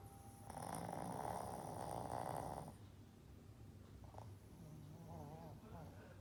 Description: My 7 year old shih tzu is the loudest snorer in the house.